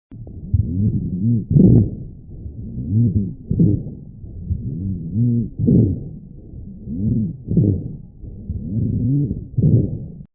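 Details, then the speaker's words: Rhonchi: low-pitched, rumbling, snoring-like sounds with each breath, about 15 a minute; lower in pitch than wheezing. "do not confuse wheezing with ron kai wheezing has a higher pitch"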